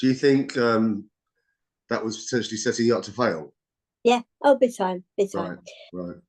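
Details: Adult speaker; ordinary speech.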